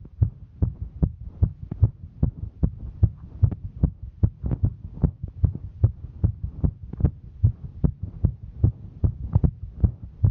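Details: Female hiking: fast, regular low thumping heartbeat of roughly 150 a minute with a faint hum behind it; normal heart sounds during exertion.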